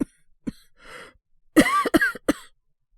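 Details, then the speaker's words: Acted (voice actor, all performance) young man with a cold waking at night from coughing: a few soft throaty coughs, then a burst of three harsh, wet coughs. "俺も、咳込んで起きたんですけど。大丈夫ですって。"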